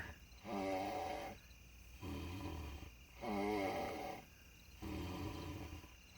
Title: Clip snore